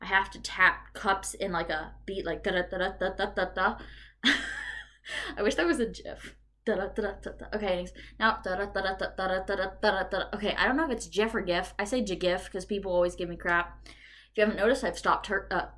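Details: Adult woman with Tourette syndrome, whose tics became severe at 19 after trauma and are currently worse during a medication change, repeating words: vocal tics (Tourette syndrome).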